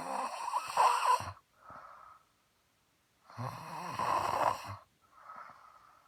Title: Snoring like motorcycle